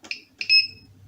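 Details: Two short, high-pitched electronic beeps, the second slightly longer, from a B. Braun Compact syringe pump in a NICU as the bolus key is double-pressed and held to start a manual bolus, set rate 25; key-press tones.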